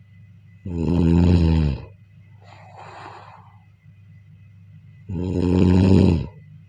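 Loud, rattling, buzzing snores on each in-breath, with a softer airy out-breath between, about 14 breaths a minute: snoring.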